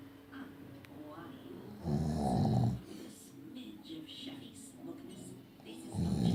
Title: Daddy snoring and he swers blind he doesn't so we have him on camera lol